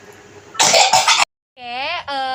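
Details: Simulated nursing demonstration for a tuberculosis patient: two strong, deliberate coughs acted out to show effective coughing after deep breathing to clear airway secretions.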